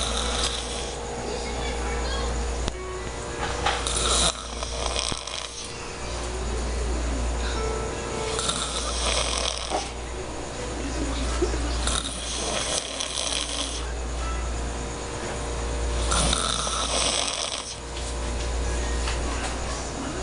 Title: Snoring Guy